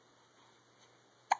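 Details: A 16-day-old newborn boy, alert, at 5 a.m.: near-silence in a quiet room, then one sharp, brief, soft hiccup at the end; hiccups.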